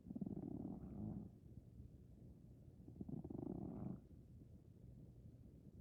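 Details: 15+-year-old Maine Coon cat snoring and dreaming: two soft, low, fluttering breaths about three seconds apart with quiet pauses between, a gentle snore.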